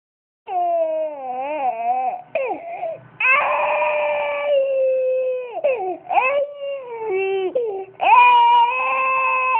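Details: An infant cries in long, high-pitched wails with brief breaks for breath between them: infant crying.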